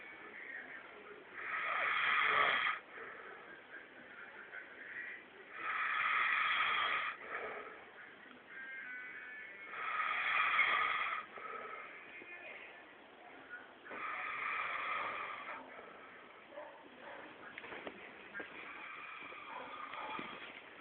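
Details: A man heavily snoring: loud, rasping breaths in on a slow regular cycle of about 14 a minute, with quiet breaths out.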